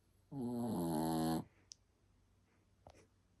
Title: 시츄 강아지 코고는 소리에 웃음터진 가족들‼️🐶😪👩🏻👦🏻😂🤣 ㅋㅋ Shih Tzu dog snoring